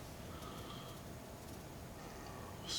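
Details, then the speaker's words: Stomach growling (borborygmi) from the person speaking: faint squeaky, drawn-out gurgling tones over quiet room hiss, a normal digestive sound. "me if you can hear my stomach growling there."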